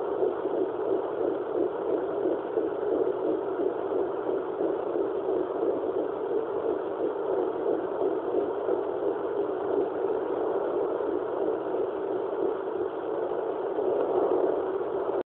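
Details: Fetal heartbeat at 11 weeks 4 days of pregnancy, picked up with a fetal Doppler: rapid whooshing pulses near 180 beats a minute over steady static.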